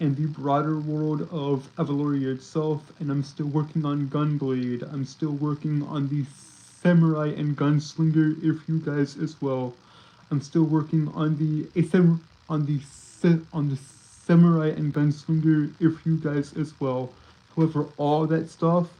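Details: Stuttering in a male streamer who says he has a speech impediment that makes him stutter and trip over his words; this stretch has repeated phrases.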